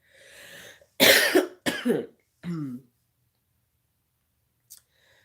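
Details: Adult sick with body aches, mucus and hoarse, croaky voice: a short run of about four harsh coughs followed by quiet; acute cough.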